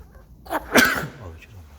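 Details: A single short sneeze, a brief sharp burst of air with a voiced catch.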